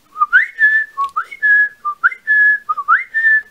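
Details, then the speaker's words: Repeated rising bird-like whistles in quick bursts, about three per second-long cycle: a whistling vocal tic in a person with multiple tics, described as sounding like a parakeet or some weird bird. "I told my husband say I sound like a freaking parakeet or something I don't know if parakeets actually sound like that but I sound like some kind of weird bird"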